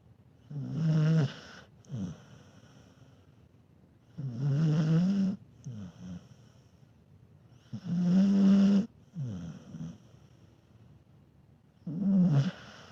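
Rhythmic rattling snores on each breath in, with softer breaths out, about 16 breaths a minute; snoring in a sleeping dog.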